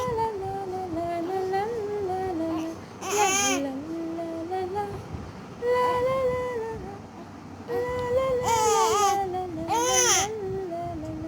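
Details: Newborn baby girl crying in short bursts while a Bengali song plays in the background, stopping as she listens; an ordinary infant cry.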